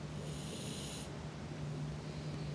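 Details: Sleeping pet exhausted after a long day with no naps: steady low rumbling breath noise with a snorting, droning quality, faint room noise; snoring.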